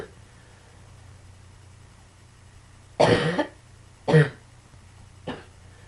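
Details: Three coughs, two strong and one weaker, over a low room hum; cough.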